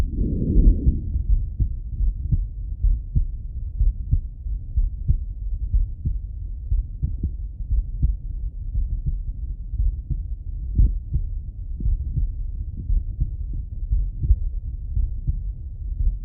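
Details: Adult male heart auscultated with a stethoscope: steady, regular low heartbeats at about 60 a minute; normal heart sounds.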